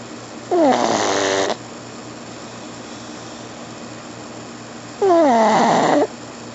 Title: Snoring Pug